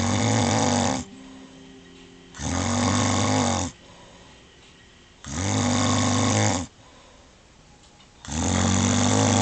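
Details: A wife snoring in her sleep: loud, rattling snores on each breath in, about 4 in 9 seconds, with quieter breathing out between them; heavy snoring.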